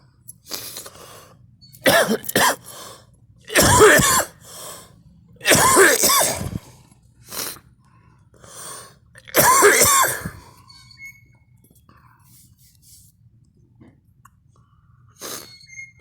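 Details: Adult coughing: a string of harsh coughs with throat clearing and short breaths between bursts.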